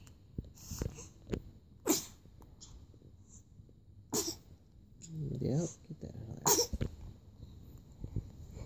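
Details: Three sharp, explosive nasal bursts a couple of seconds apart, with quiet room sounds and a person's voice between; repeated sneezing.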